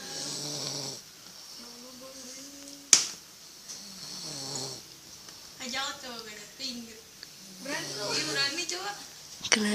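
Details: Snoring from a person who the recording says is sleeping exhausted: repeated breathing noises with a snoring quality, some with a buzzing voiced tone, against faint room sound and a few clicks.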